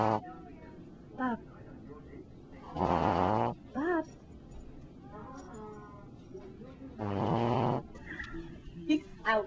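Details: Shih Tzu puppy asleep, recorded with a Flip Video camcorder, making short buzzy snorts and snores with small squeaky breaths between; very loud snoring during sleep.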